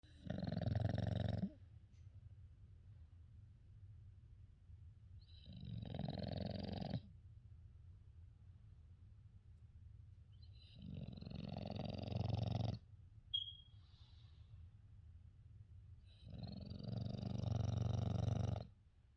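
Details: English Bulldog/Shar Pei mix, female, asleep: loud, rattling snores on each breath, about four breaths over twenty seconds; snoring strong enough to feel the vibration.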